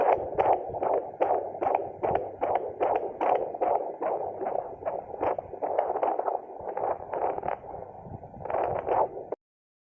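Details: Fetal heart sounds on auscultation: rapid, regular whooshing fetal heartbeat at about 150 beats a minute, a normal fetal heart rate.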